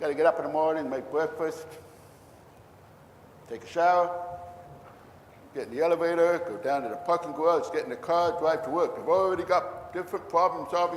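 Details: Deaf man who cannot hear even a passing bus, only feel it; deaf speech.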